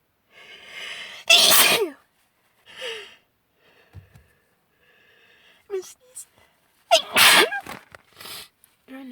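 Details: Adult with spring allergy sneezing, suspecting pollen caught in long hair, on a windy March day after being out: a run of forceful sneezes, each led by a sharp in-breath, with brief background music.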